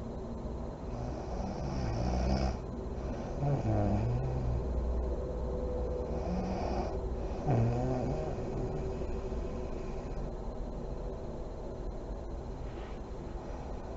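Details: Sleeping mother in deep REM sleep, lights on: low, uneven snoring breaths with soft fluttering lip-blowing on the out-breath, over steady room noise.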